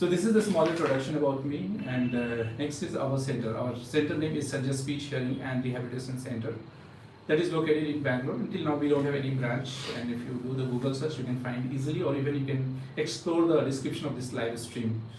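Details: Adult man speaking; ordinary speech.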